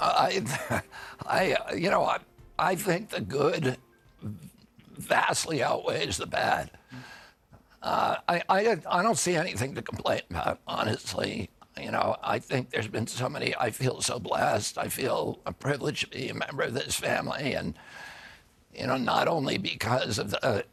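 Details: Adult man with spasmodic dystonia, a neurological disorder making his vocal cords tighten constantly. Onset at age 42 after a 1996 injury; surgery in Kyoto about eight months earlier.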